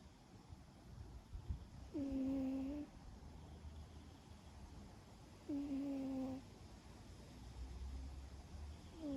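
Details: About 11-year-old cat asleep on the owner's lap in a garden: soft, slightly tonal snores, about 17 a minute, over outdoor background noise; harmless snoring.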